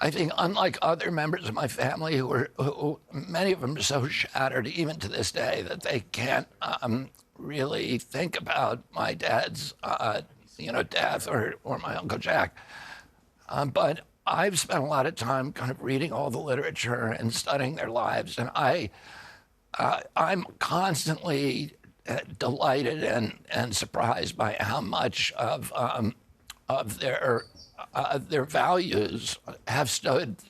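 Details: Adult man, spasmodic dysphonia, described as the neurological disorder spasmodic dystonia, onset at 42 after a 1996 injury; nerve signals tighten vocal cords constantly, cords uninjured; Kyoto surgery about eight months earlier made voice more reliable; now trying alternative therapies.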